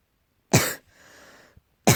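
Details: Two sharp, harsh cough bursts from a cat, with a brief hissing exhale after the first; repeated coughing, tagged allergy.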